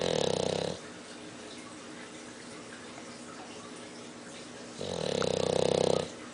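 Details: Snoring during sleep: two loud buzzing snores separated by a quiet pause of about four seconds; ordinary loud snoring.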